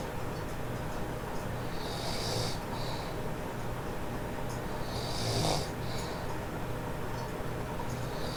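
Two loud rattling snores on slow inhaled breaths over steady background hum; ordinary snoring, about seven breaths a minute.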